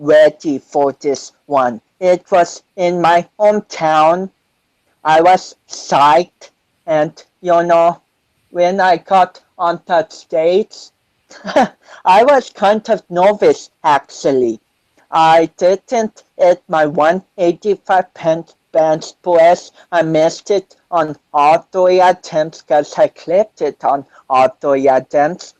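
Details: 25-year-old man with cerebral palsy since birth, which he says affects his balance, coordination and speech; doctors said he would never walk, and he is now a powerlifter; dysarthria (cerebral palsy).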